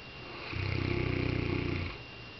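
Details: Saint Bernard dog snoring in sleep, owner says dreaming about chasing cats: one long, low, rattling inspiratory snore with steady fluttering vibration.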